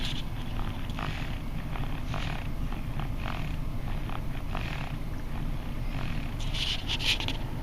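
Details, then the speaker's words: Infant sleeping in the back seat of a moving car, soft rhythmic purring snores about one per second under steady road rumble. "don't know if you can hear that, but he's actually snoring. I don't think you're supposed to do that till you're older."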